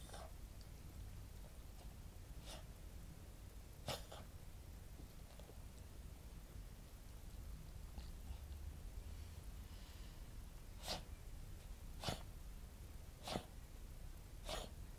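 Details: Soft, short choking-like cough bursts a few seconds apart on waking from a Cavalier dog born June 2010 with Chiari-like malformation, hydrocephalus, syringomyelia, partial chordae tendineae rupture with regurgitation, and interstitial non-cardiogenic pulmonary edema: choking-like cough.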